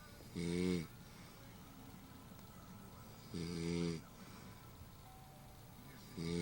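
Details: A sleeping woman gives three loud, rattling snores on inhaling, about three seconds apart, roughly 19 a minute, over quiet room noise; ordinary snoring.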